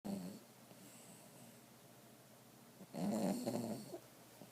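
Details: Bulldog lazing asleep in a quiet room: low snorting, rattling breaths with a quieter stretch between them; snoring.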